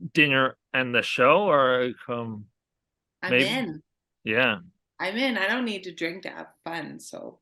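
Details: Adult woman speaking; no disorder.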